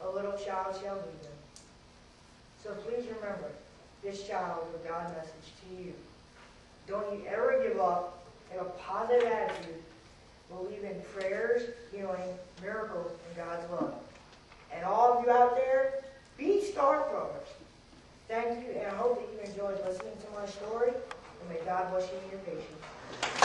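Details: 14-year-old boy with cerebral palsy after a premature birth 13 weeks early, with undeveloped lungs and lack of oxygen to the brain; he was expected never to talk and had speech therapy; mild dysarthria.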